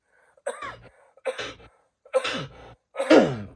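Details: Adult man with a nagging allergy cough, not sick, seen by doctor, awaiting allergy pills: four dry separate coughs in quick succession.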